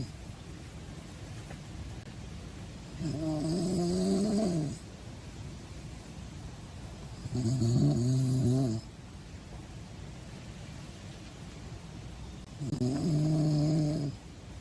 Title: My funny snoring🤪 #snoring